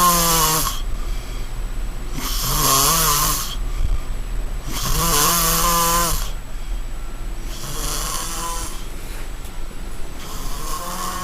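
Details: Snoring: loud rumbling snores on each breath in, about four in eleven seconds, with quieter breathing between.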